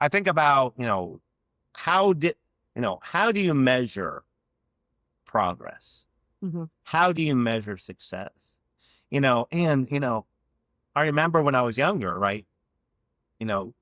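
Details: Adult man who has stuttered since childhood and had years of speech therapy as a child; real, non-acted speech in a conversation showing stuttering.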